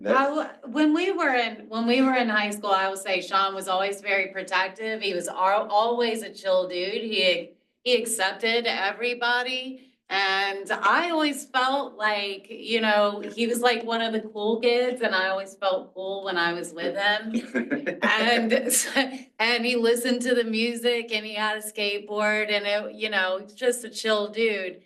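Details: Adult woman speaking; normal fluent speech.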